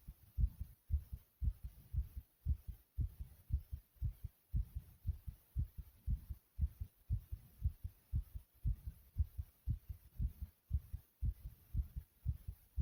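Strong, fast, regular low heart thumps, about two a second, heard as a pounding heartbeat.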